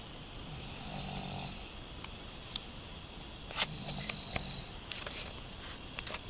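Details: Young child and his father both snoring during sleep: soft, rough breathing noises with a faint room hum; mild snoring.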